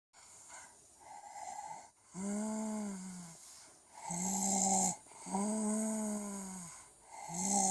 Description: has a cold and her snoring makes her sounds like ET. Poor sick baby!